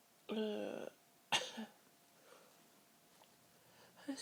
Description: another sneeze fit for you all to enjoy!